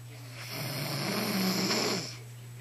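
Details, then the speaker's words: A single drawn-out, rough, buzzing snoring breath over steady background hum, from a mother, with her child nearby; snoring. "definitely snoring. That's your mommy, Riley."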